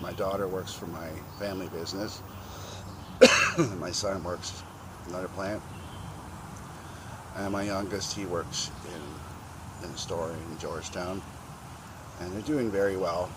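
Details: 52-year-old man with self-described very bad stutter since childhood; stuttering.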